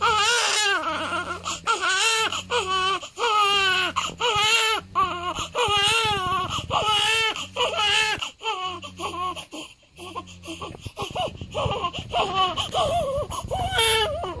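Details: Repeated high-pitched wailing cries from a 7-day-old newborn, broken by short gasping pauses, over a faint low background hum: a typical infant cry.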